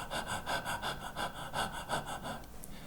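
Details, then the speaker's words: Quick, shallow, audible breaths, about ten in three seconds, demonstrated by a psychiatrist imitating hyperventilation from stage fright (performance anxiety): rapid shallow breathing that takes in too little oxygen and blows off carbon dioxide. "so what happens is when you start breathing faster you start taking more shallow breaths as you breathe faster and faster and what happens is you start to hyperventilate so instead of breathing deeply you start breathing like this"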